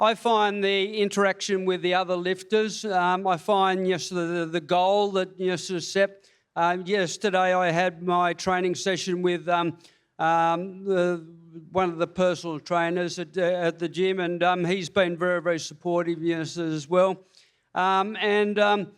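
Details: Hypokinetic dysarthria with stammering in a man with Parkinson's disease diagnosed February 2022, about three years earlier; reports running out of breath reading paragraphs and has had speech pathology.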